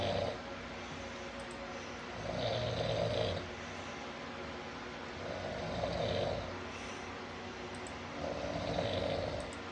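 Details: Dad asleep: regular rough, buzzing snores about every three seconds, near 20 a minute, with quiet gaps between; snoring.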